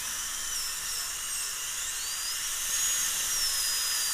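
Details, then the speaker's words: High-speed dental drill reducing about 1 mm of labial enamel on an adult woman's worn upper central incisor (tooth 8) for a 3/4 porcelain veneer crown, deep overbite case; steady high-pitched whine, pitch shifting with pressure. "so i'm going to go about a millimeter just put a little mark there and just take it down there we go"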